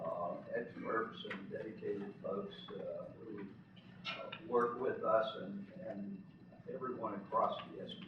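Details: Adult man with self-reported spasmodic dysphonia, speaking as president of a spasmodic dysphonia patient association at its educational conference; real condition, spasmodic dysphonia.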